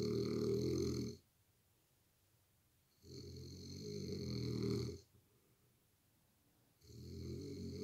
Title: he snores like a grizzly bear 💏🛌💤